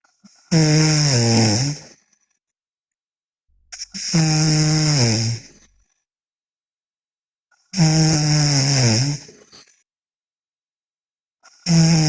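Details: Sleeping girl snoring loudly: long, buzzing snores about every four seconds, near 16 a minute, with silence between breaths.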